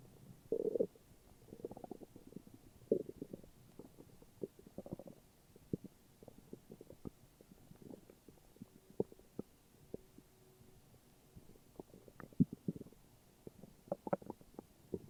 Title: morning stomach growls :3